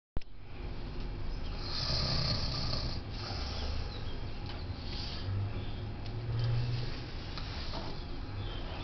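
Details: Adult man after a heavy night: loud, deep, rattling snoring with continuous rough low vibration through each breath; snoring.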